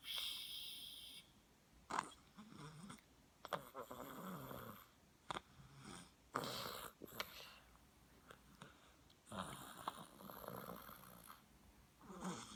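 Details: A sleeping animal makes repeated rough, noisy snorts with each breath, typical of ordinary snoring; snoring.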